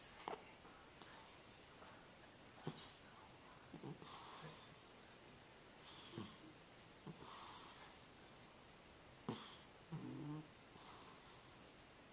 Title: Cat Snoring